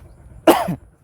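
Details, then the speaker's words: A single short, harsh cough from an adult woman outdoors, who has had a cough and a hoarse voice since arriving in the village and thinks the change of water caused it: cough. "थोडासा माझा आवाज तुम्हाला येईल का नाही मला खोकला झाला गावाला आल्यापासून चला पाणी चेंज झाला असं मला वाटतय त्यामुळे माझा आवाज मला खोकला सुद्धा होतो आणि आवाज सुद्धा बसलाय"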